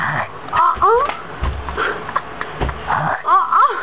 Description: snoring while smiling pretending to be asleep